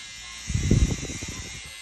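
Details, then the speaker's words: Low, rapid buzzing burst over room hiss from a SkinPen microneedling pen on an adult man's face after Venus Viva radiofrequency, before PRP is painted on; he rates pain at least 6/10; microneedling pen in operation. "And now we're doing microneedling. I can feel it, so I'm going to breathe a little more air."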